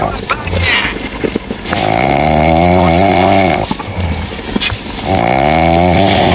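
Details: Cat snoring: two long, buzzing, tonal breath sounds about three seconds apart, with quieter breathing between them.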